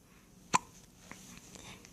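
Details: A single sharp, abrupt hiccup in a quiet room, with faint softer sounds after it; recurring hiccups.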